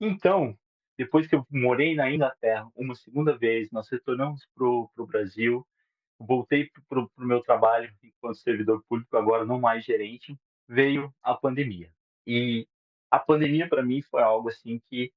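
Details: 37-year-old man who stutters, beginning or worsening in childhood, with particular difficulty on words starting with R; Portuguese speech; stuttering.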